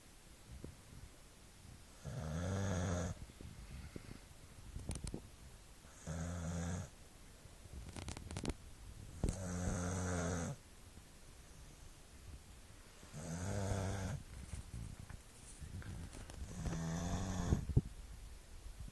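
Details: Staffy dog snoring: five deep, rough, rumbling snores on in-breaths over about 19 seconds, roughly 16 a minute, with quiet gaps between them.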